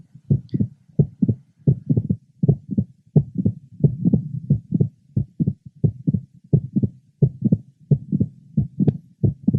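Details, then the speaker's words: Mitral valve prolapse in a 40-year-old woman, heard at the apex; regular heartbeat near 85/min with several mid-systolic clicks between the first and second heart sounds. "a 40-year-old woman with mitro valve prolabs we're listening at the Apex she has several midsystolic"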